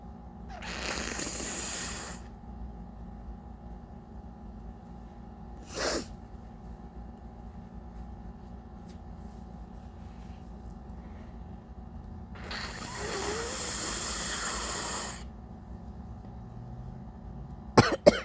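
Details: Adult with heavy nasal congestion from allergies (not a cold): woke with a stuffy nose and sinus headache. Two long, wet, blustery nose-blows with a few short coughing bursts.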